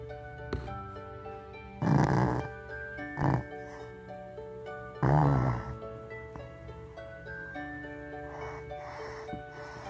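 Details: Shih Tzu dog snoring loudly: short snorting snores recurring under steady background music; snoring.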